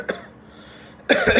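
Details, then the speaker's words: Imitated pneumonia-type cough: two brief expiratory cough bursts with no inspiratory component or whoop, described as an expiratory cough like those produced in COPD or asthma from expiratory airflow obstruction. "breathing so that's a cuff of pneumonia where you don't have an inspiration it's basically an expiratory cuff right"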